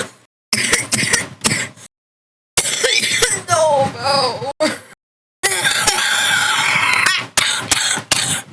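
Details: Several short, harsh coughs and throat clearing in quick bursts from a person who was sick when recording, with video game sounds in the background: cough.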